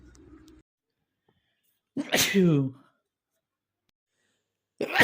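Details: Male sneeze compilation of random and cold sneezes: a single loud sneeze with a sharp voiced burst and trailing breathy release, in a quiet room.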